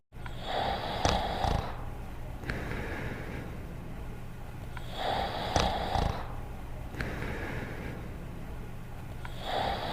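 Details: Sleeping dog snoring: a loud, rattling inward snore followed by a softer outward breath, roughly every four seconds.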